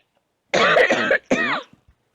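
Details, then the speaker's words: Persistent dry cough, hacking bursts without rattle or mucus, lasting 19 days after second Moderna COVID vaccine dose, in a person who had COVID in November; worst around day 12, later improving; this cough is milder than earlier. "modern i've been coughing like this ever since well second day after my second dose of moderna though my coughing was a lot worse day 12."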